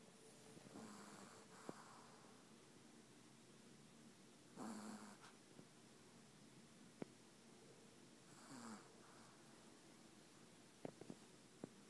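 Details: Sleeping dog: soft, rough snores roughly every four seconds, about 15 a minute, over quiet room noise with occasional clicks; dog snoring.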